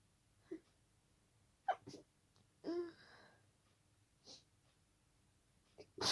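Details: Night-time sneezing fit, sneezes deliberately stifled to stay quiet, some escaping, triggered by a tickle: several quiet muffled sneezes with soft catches of breath between; stifled sneeze.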